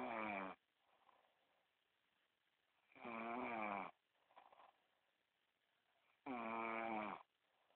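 Three regular buzzing snores on each in-breath with soft exhalations between, about 18 breaths a minute; ordinary snoring.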